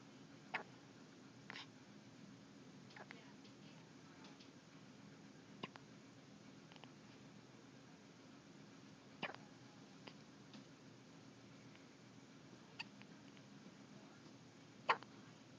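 Quiet, abrupt clicking catches recurring at irregular intervals, about eight over fifteen seconds, typical of hiccups.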